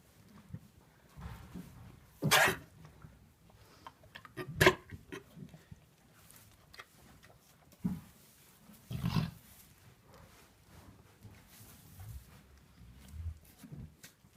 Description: I was in the stable and when I were looking at the sheeps one started to sneeze hysterically and it was hilarious